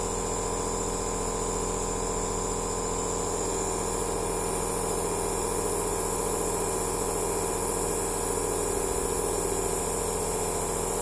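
Steady, unbroken motor hum with a hissing spray and fast even pulsing, typical of a running nebulizer compressor.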